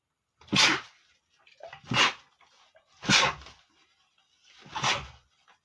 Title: male sneezing #23 ( I GOT FLU 😞😞)